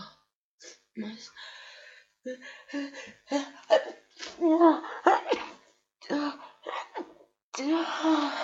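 Gasping build-up breaths followed by a few wet sneezes, with a cold.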